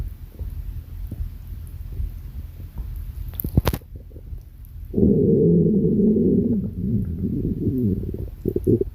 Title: stomach growling 5